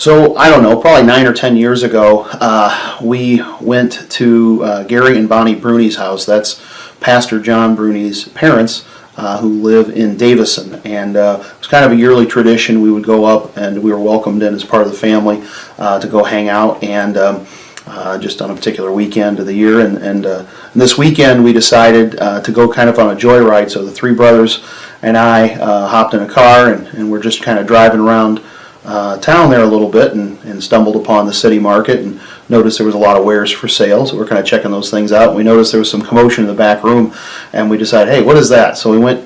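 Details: Adult man speaking; ordinary speech.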